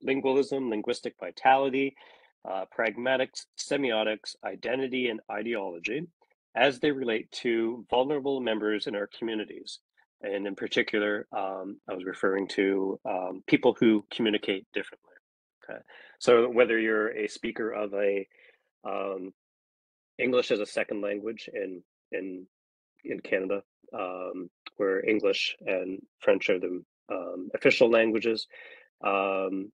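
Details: Adult male speaker; normal speech.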